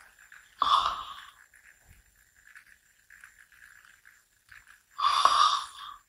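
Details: An adult dozing off sitting upright during a daytime nap gives two loud, rattling snores about four seconds apart: snoring.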